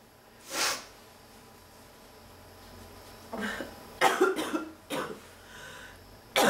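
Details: A breathy exhalation, then several harsh coughs in quick bursts with strained throat sounds, in a sick woman with nonstop coughing fits every few minutes and a back sore from coughing; a persistent cough.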